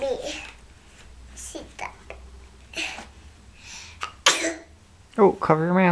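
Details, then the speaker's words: Child sneezing: quick sneezes amid soft vocal sounds and room noise, followed by an adult offering a tissue. "when you sneeze you don't want to sneeze on you make sick yeah I do no you don't let's get you a tissue"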